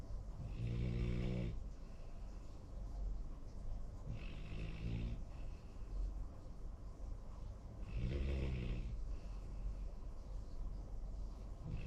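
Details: Snoring from a sleeping young Labrador–Golden Retriever mix dog: low, rattling snores on each breath, about three to four in twelve seconds.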